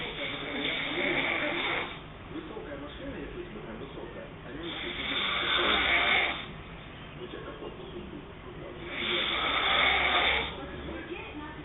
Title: girlfriend snoring HARD